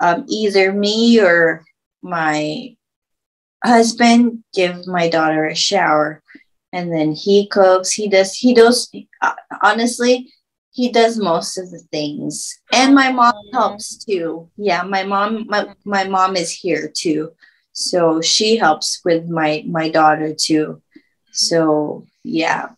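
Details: Aphasia in a woman after a stroke at age 24, about 10 years earlier.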